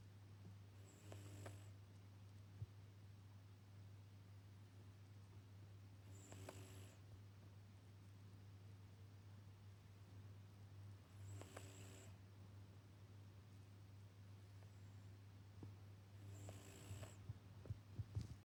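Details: Snoring: a sleeping cat with one eye open makes soft, regular nasal snoring bursts about every five seconds, near 12 breaths a minute. The cat's breathing sounds are noted as loud.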